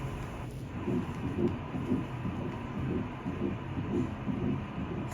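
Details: Early fetal heartbeat on ultrasound at about 6 weeks 4 days of pregnancy, single baby: rhythmic whooshing pulses at about 118 a minute, strong and normal.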